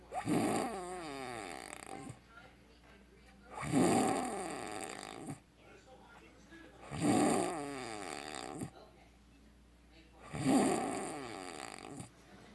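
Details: Adult man (husband) asleep with mouth open, snoring heavily: loud, rough, rattling bullfrog-like snores on each breath, about 18 a minute, with quiet pauses between.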